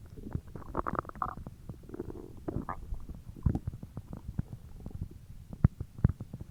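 Continuous low gurgling and bubbling rumbles with irregular popping clicks; ordinary stomach growling.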